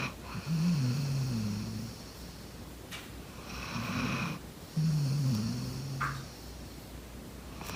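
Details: Golden retriever dog sleeping and snoring loudly: deep rattling snores on each breath in, with hissing breaths out between them, about three snores in under eight seconds; loud snoring.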